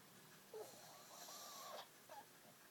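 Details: Pug snoring in sleep: brief snorting breaths with a high whistling, wheezy nasal tone typical of a flat-faced dog; snoring with whistling.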